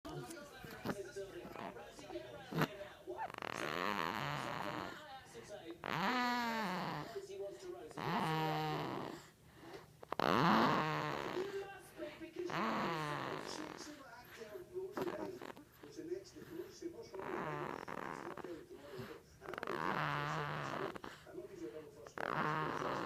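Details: Infant snoring: repeated croaking, rattly noises on each breath at roughly 27 breaths per minute.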